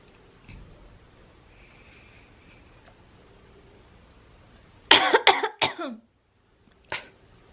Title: Smoking n Coughing